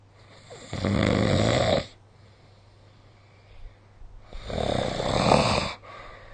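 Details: Two loud, rough, fluttering inspiratory snores separated by quiet pauses, from a sleeping person, recorded with the SnoreLab app.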